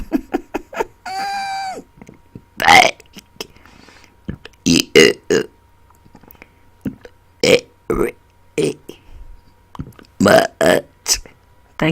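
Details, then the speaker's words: Deliberate burping after dinner, including burp-talked words: a run of repeated loud, voiced belches, some drawn out and tonal, with short pauses; voluntary burping on command. "I learned how to burp talk a new word let me try hey"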